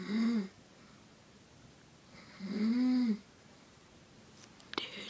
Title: Mom snoring